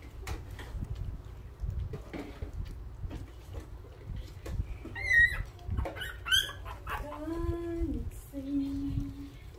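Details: Newborn puppies crying from hunger: high thin squeals and whines over room noise.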